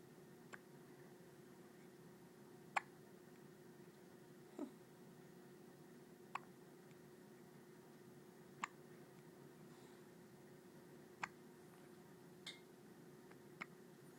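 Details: Newborn baby on day one of life (6 lb 14 oz, 20 in long): soft, brief clicks recurring every one to two seconds over steady room hum; hiccups.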